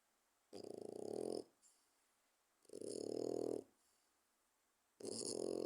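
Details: 4-month-old French Bulldog puppy snoring loudly while asleep: buzzing snores about every two to three seconds with a harsh, throaty rattle.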